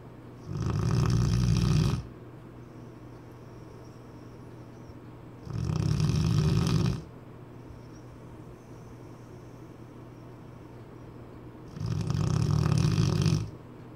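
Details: A Cane Corso dog: three loud, low rattling snores about every six seconds, with quiet breathing between them; regular snoring, roughly ten breaths a minute.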